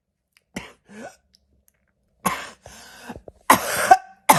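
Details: Several harsh, abrupt cough bursts with a hoarse, barking quality, separated by short pauses and a throat-clearing sound; barking cough.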